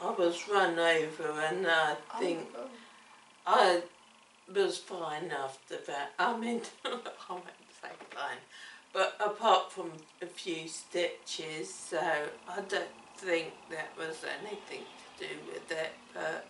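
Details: Woman with cerebellar ataxia affecting her coordination, speech and swallowing; ataxic dysarthria.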